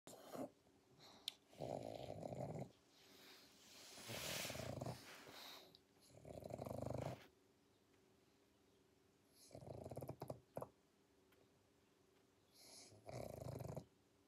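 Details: Sleeping pug: loud, rough snoring breaths with snorting bursts.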